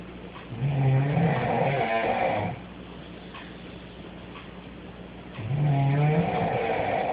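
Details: Young woman asleep in the middle of the night: two loud, drawn-out, sheep-like bleating snores on breathing in, separated by a quiet pause; snoring.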